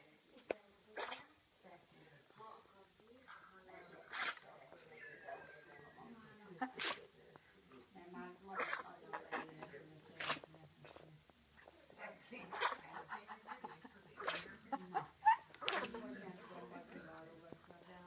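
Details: A run of small, sharp nasal bursts from a griffon puppy, roughly eight over eighteen seconds, with soft snuffling between, in a quiet room; sneezing.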